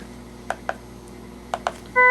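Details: Zoll X Series defibrillator monitor, just powered up in AED mode: four soft button clicks with short tones, then a steady beep as it is switched to manual mode.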